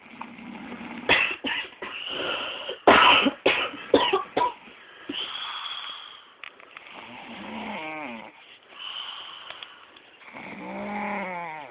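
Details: Woman recorded while asleep: rough, rattling breaths with a few sharp throaty bursts, then slow whining snores on the in-breath; snoring.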